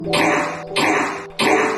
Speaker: a common culprit of coughing in dogs is kennel cough which is often marked by a dry hacking sound it might even seem as so your dog has something lodged in their throat